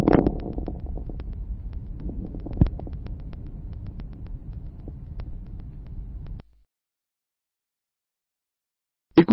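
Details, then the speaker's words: Late (end-)inspiratory crackles: many fine crackles increasing in number and intensity toward the end of inspiration, best heard with slow, large-tidal-volume breathing; seen in interstitial lung disease. "ils augmentent en nombre et en intensité à la femme d'inspiration ce caractère est mieux perçue lors d'une ventilation à faible fréquence et grands volumes courant"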